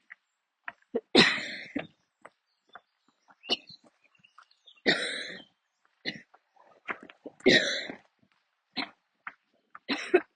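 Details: Coughing fit while walking outdoors near the end of a walk: repeated harsh coughs, about four strong bursts with smaller ones between, over ten seconds; kept walking rather than stopping.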